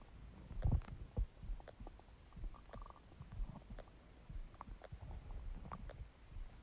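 Low gurgling and rumbling with scattered soft pops and squeaks; ordinary stomach growling from an empty stomach.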